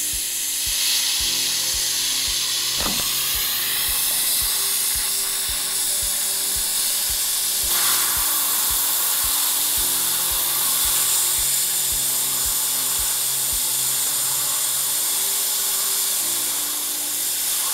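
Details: Continuous high-pitched whine of a dental drill, with short pauses and bursts, as an occlusal finishing bur shapes a new composite filling on tooth #14 in a 39-year-old patient, after removal of a 20-year-old amalgam.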